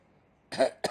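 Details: Pet bird mimicking a person's cough: a short, harsh cough-like burst followed by a brief second burst, an imitated cough.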